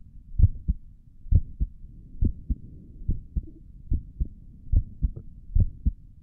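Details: Own heartbeat through a stethoscope on the chest, ASMR recording: steady paired low lub-dub thuds at about 70 beats a minute, no added noises; regular heartbeat.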